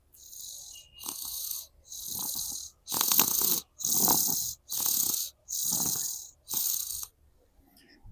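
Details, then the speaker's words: Sleeping infant with a cold and congested nose, cough improving and on medicine, makes noisy, rough, hissing, rattling breaths while lying down. "इतकी सर्दी झाले ना तिने खरखर होते"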